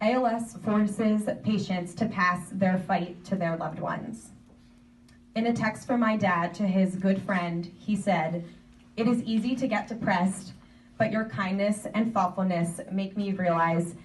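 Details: Adult woman speaking; typical speech.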